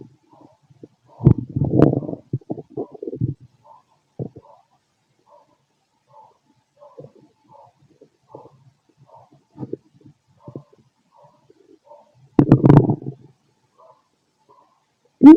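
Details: Stethoscope auscultation of the abdomen of a fit adult male: intermittent gurgling, rumbling bursts over a quiet background, stomach growling from normal bowel activity.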